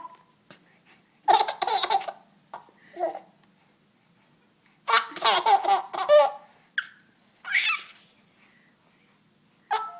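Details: Baby laughing while having hiccups: bursts of laughter broken by short, sharp catches in the voice.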